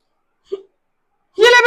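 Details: Acted comedy skit of a child with hiccups, mother urging him to drink water: a single short, abrupt hiccup, then a burst of voice. Simulated hiccup.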